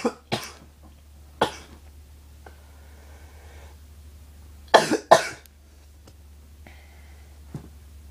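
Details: Cough: about five sharp, dry-sounding coughs in short clusters, with quiet pauses and a low background hum.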